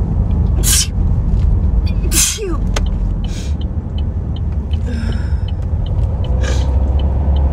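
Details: Hay fever sneezing: about four big, sharp sneezes over loud traffic rumble.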